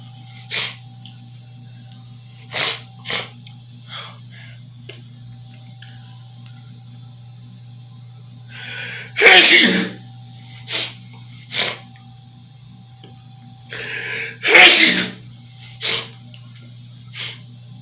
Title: Bathroom Sneeze Part Three With Heavy Sprays #sneeze